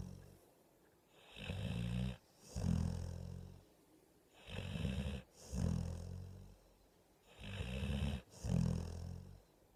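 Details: Loud, low rattling snoring with each breath in and out audible, about ten breaths a minute, with quiet pauses between.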